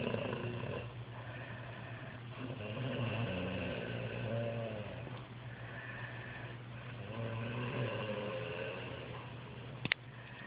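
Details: A man who claims he never snores: low, rumbling snores on slow breaths, about 14 a minute, over a steady low hum of room or engine noise; snoring.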